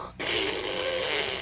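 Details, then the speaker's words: Simulated: an adult imitates a woman's snoring with a CPAP mask, a long, loud hissing breath like air leaking from the mask when she turns to her side; snoring imitation (CPAP). "Then she'll like turn to the side, and then now you have like this hissing sound because like oxygen is blowing out of the sucker. So it's like a tank about ready to blow."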